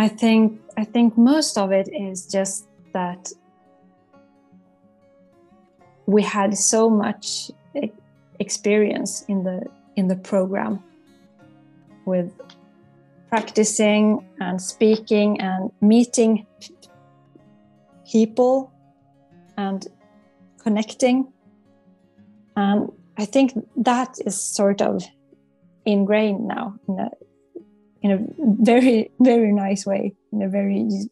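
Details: Stuttering in an adult woman psychologist, a former stuttering-coaching client, with whole-word repetitions such as "that's that's" and "I I".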